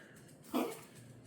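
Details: A single short, harsh cough from a dog in an otherwise quiet room, recorded for the vet; cough.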